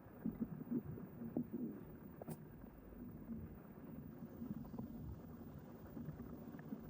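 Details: Morning after a large eating session, recorded without a microphone; low gurgling rumbles and bubbling, loudest at the start, then a steady murmur of gut noise: borborygmi (stomach rumbling).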